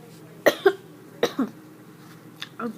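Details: A child gives three short coughs in a quiet room, each a sharp burst followed by a quick second catch; plain coughing.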